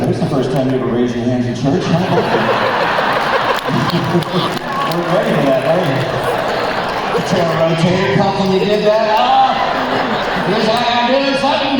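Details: Man, former record producer, with incurable spasmodic dysphonia developed at the height of his career, progressively worsening until voice was lost, unhelped by vocal coaches and doctors, audible in his voice; spasmodic dysphonia.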